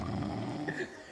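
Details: Overnight sleep recording of an adult man's snoring, which occurred around 23:30–midnight and 3:15–4:00 and reached 78 dB; a brief, loud, rough, low, growl-like rumble, as if groaning. Snoring.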